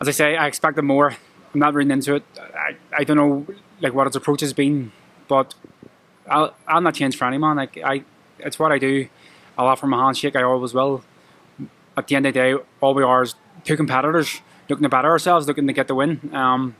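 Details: Adult male professional boxer with a lifelong stammer present since childhood that he struggles with every day; it worsens with nerves, e.g. at press conferences. Finding: stuttering.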